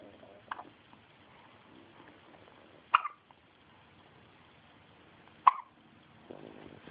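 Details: An infant boy gives two sharp, brief hiccups about two and a half seconds apart, with soft fussing and room noise between them, around a diaper change; infant hiccups.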